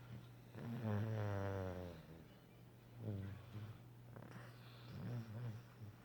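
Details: Snoring while napping: low rumbling snores with a buzzing, fluttering quality, about three in six seconds.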